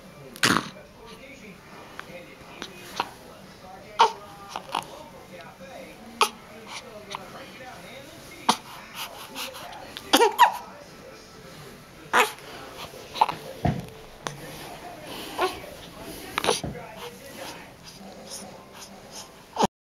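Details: Baby hiccups: repeated short, sharp catches every second or two over a quiet background with faint voices; hiccups.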